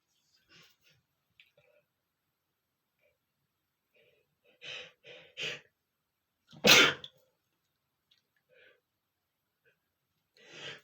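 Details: Adult male with a runny nose sneezing: quiet sniffs and a few short breaths lead up to one loud explosive sneeze, another building at the end.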